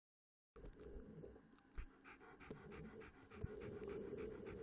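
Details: 11-year-old, 31.3-kg Standard Poodle with laryngeal paralysis, after left arytenoid lateralization: rapid panting at about 200 breaths a minute with no harsh stridor postoperatively.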